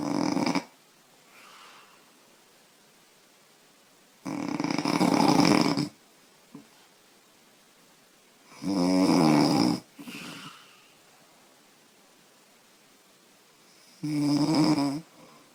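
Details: 25-year-old woman snoring, who says she snores loudly after drinking beer: loud rough snores on each breath in, about 16 breaths a minute, with quiet breaths out.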